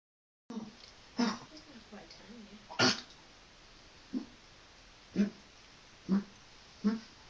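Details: Dog coughing: a run of short, dry hacking coughs with one harsher retching burst among them, like a gag; cough with gagging.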